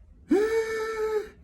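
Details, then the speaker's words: Imitated stridor: a high-pitched, musical crowing sound on inspiration, typical of upper airway narrowing; heard on breathing in, unlike wheezing. "in is called strider and that's when we need to make sure that there's no neck problems okay have a good day"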